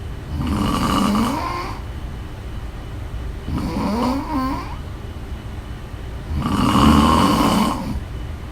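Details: Woman snoring during sleep: three loud, rattling snores roughly three seconds apart, some with a gurgling flutter; ordinary snoring.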